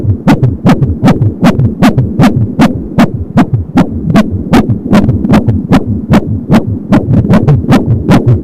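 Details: Fetal heartbeat at 22 weeks of pregnancy on an Angel Sound home fetal Doppler: fast, regular whooshing thumps at about 170 beats a minute, with umbilical cord whooshes; normal fetal heart sounds.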